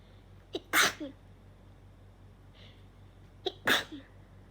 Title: How many sneezes did I sneeze 🤧